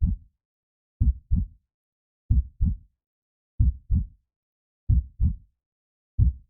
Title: Herztöne - die BESTE Einschlafhilfe für Babys! Heartbeat for Babysleep